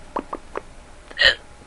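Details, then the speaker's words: Person with a hiccuping spell that keeps stopping and returning, talking to camera: a few small, sharp catching sounds, then one louder abrupt gulp of hiccups. "yeah you heard right got hiccups great hold"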